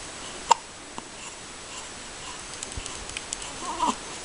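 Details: Newborn baby boy, 5 days old, awake with hiccups after a big feed: a sharp hiccup with a fainter one after it, then soft snuffling, in a quiet room.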